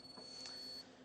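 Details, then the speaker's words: Single short high-pitched beep as a HomeFill home oxygen tank-filling system with concentrator switches on, with lights flashing; a normal start-up signal before an "O2 below normal" light while oxygen builds. "right when you have that hooked up we're going to turn on this machine you're going to hear just a little beep and these lights are going to flash"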